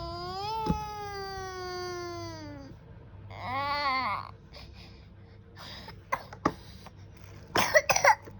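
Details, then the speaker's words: 17-month-old toddler, mother says coughing began after eating watermelon; long falling whine and brief fussy cry, then a few short, sharp cough bursts near the end. Cough. "Tuh kan, Mama tuh nggak boleh makan semangka jadi batuk."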